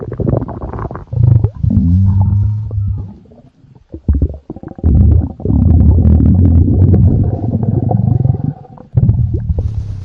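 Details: Loud, low gurgling and rumbling bursts from the stomach with brief pauses between them; ordinary stomach growling (borborygmi).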